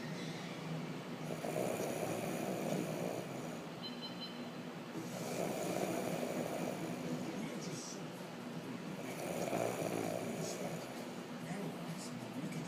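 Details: Snoring during sleep: three slow, rough, rattling breaths about every four seconds, each a low vibrating snore on the in-breath.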